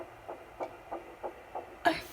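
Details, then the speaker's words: Home fetal Doppler (Sonoline B) in early pregnancy, before movements felt, first time hearing the baby girl: rapid, regular whooshing fetal heartbeat, roughly 190 per minute. "so I'm going to share the clip with you of the very first time we heard her"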